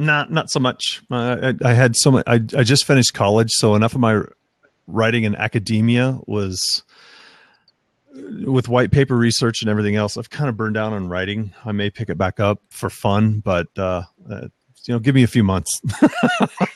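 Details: Adult male speaker; typical speech.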